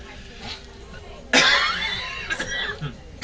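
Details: A child imitates his father's cough in the hospital; imitated cough.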